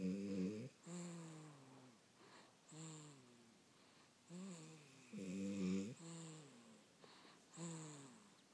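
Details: Young child and his father snoring together in sleep: tonal, whistling snores on each breath, about one every 1.5 to 2 seconds, mixed with softer noisy snores. Snoring.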